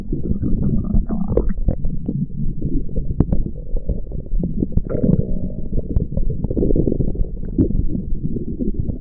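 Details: Stomach growling: continuous low rumbling and gurgling from the abdomen.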